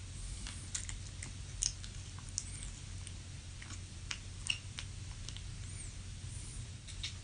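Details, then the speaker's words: Overnight recording of the speaker's own sleep: scattered clicks, scrapes and clunks of gnashing and grinding teeth over a steady low room hum, with the bed creaking at one point; sleep bruxism. "um do that sounds gnarly doesn't that sound absolutely insane like you're hearing like gnashing of teeth like clunking and you're hearing this this grinding"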